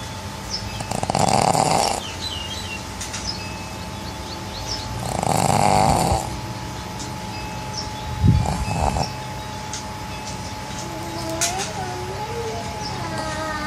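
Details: Pug, a flat-faced dog, snoring loudly in sleep: loud rasping snores about every four seconds over steady room hum, with a faint chime in the background.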